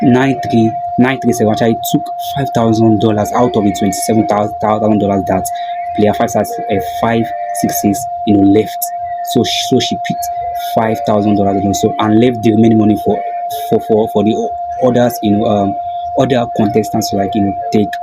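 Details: Stuttering in a host who calls himself a stammerer; this stretch has a broken word and a repeated word.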